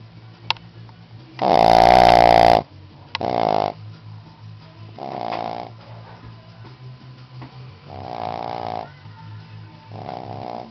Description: My 11yr old Shih Tzu displaying her high quality snoring skills...............